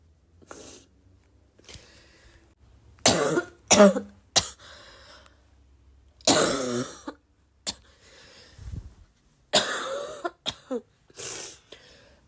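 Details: Girl still sick and coughing a lot, tagged as a barking cough and coughing fit: about eight harsh coughs and throat clears in clusters with quiet gaps.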